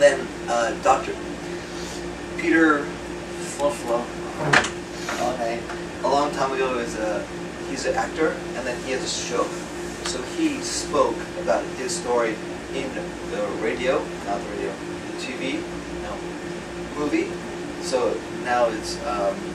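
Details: Man with acquired aphasia after a 2014 left-hemisphere stroke from a torn carotid artery; initially paralyzed and speechless, right-side movement since returned; words slowly returning with ongoing speech therapy; real patient; aphasia.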